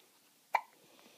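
A single short, sharp, abrupt sound in a quiet room, typical of a hiccup.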